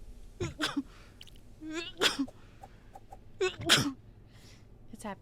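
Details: Female Twitch streamer sneezing: three quick voiced sneezes, each led by a short gasp, in a room with faint background sound; ordinary sneezing.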